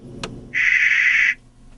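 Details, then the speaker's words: Simulated tinnitus: a short, steady high-pitched tone played during a hearing test to match the frequency of a woman's tinnitus, the phantom ringing she perceives with no external sound. "imagine living with that noise in your head all the time no the other one was better this is the frequency we often match"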